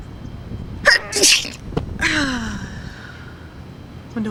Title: The Sneeze